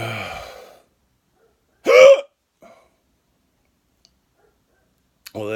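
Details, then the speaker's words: Hiccups, possibly from eating too fast: a single sharp, voiced hiccup with a quick catch in the throat, between snatches of talk. "that didn't work. Got the weirdest hiccups ever."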